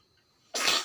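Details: A single sudden hissing burst after quiet: a sneeze from a child who is ill with a cough and cold.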